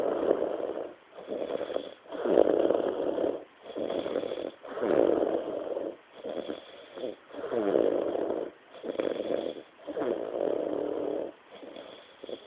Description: A short video of a friend snoring after a Christmas night out in Bournemouth.